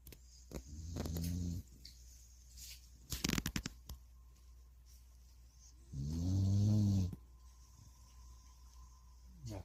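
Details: Snoring: two low, buzzing snore-like breaths with rustling between them, in a quiet room.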